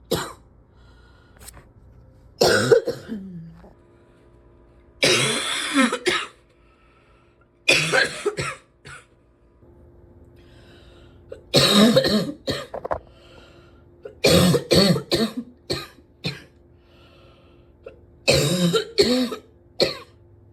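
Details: Repeated harsh coughs in short clusters over twenty seconds, with brief quiet pauses between bouts; a person who wishes they could stop coughing.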